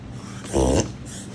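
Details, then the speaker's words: Dog with upper palate irritation drawing air in through the nose: a brief, loud honking snort, often mistaken by owners for seizures, coughing or sneezing; reverse sneezing, also called paroxysmal breathing. "Симптом, який частіше за все лякає педбатьків, це так зване зворотнє чихання або парасизмальне дихання. Педбатьки можуть вважати, що це судоми, що це кашель або чихання."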